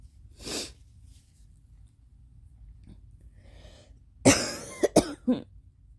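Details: Person with allergy congestion, very stuffy with a dry nose: an airy nasal burst, then one loud harsh cough and three shorter coughs in a quiet room.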